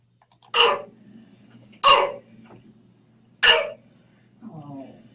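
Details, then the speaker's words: Three harsh, abrupt, high-pitched barking coughs from a child; croup, airway swelling, on a nursing-style teaching recording. "let's zip her back oh yeah high pitched cough"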